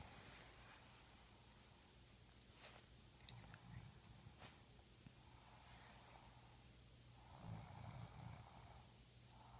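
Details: Snoring in sleep: a few rough, low, rattling snores over a steady background hum.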